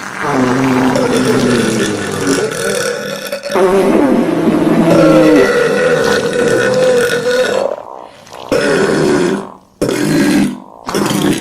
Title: Stomach Sound With Burps And Farting